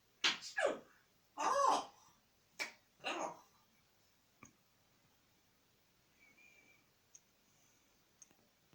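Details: African Grey parrot sneezing: several short, sharp sneeze-like bursts in quick succession, then faint clicks in a quiet room.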